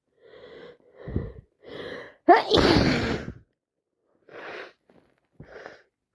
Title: Massive cold sneezes so wet blowing my nose